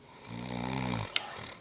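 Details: Roommate snoring at night at a beach house: a single buzzing, droning snore on inhalation, then a brief click and softer breath.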